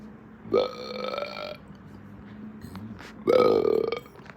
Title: More Hiccup Burps